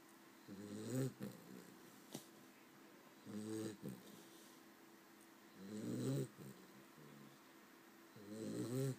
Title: Snoring Cavalier